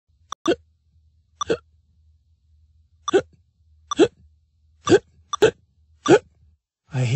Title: hiccup wip